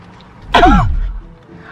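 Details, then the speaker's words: One forced, deliberate cough inside a car, acted as a prank of coughing on a girlfriend's pizza, who objects; fake cough. "why are you coughing on my food you're seasoning it's still good"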